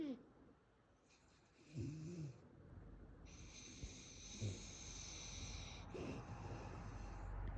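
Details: A sleeping bully-breed dog in dreaming (REM) sleep snores with soft low rumbles and small whimper-like sounds.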